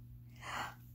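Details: A pet's hiccup: a single short, breathy catch of breath over a steady low room hum.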